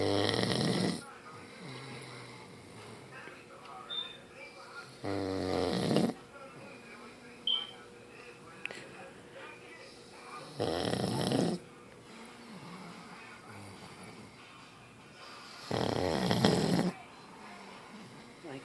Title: Snoring away